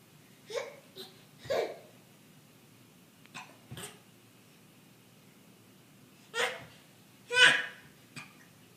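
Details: An infant makes a series of short, abrupt catching sounds in a quiet room, hiccups following a bout of laughter; hiccups.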